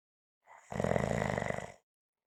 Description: This is a 5 minute clip of snoring.